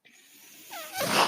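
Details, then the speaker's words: Real recording: the speaker's own mechanical ventilator heard as he talks, a soft hiss swelling into a louder rushing whoosh with a brief sliding whistle as it delivers a breath. Mechanical ventilator sound. "my name is that noise you hear he's my ventilator"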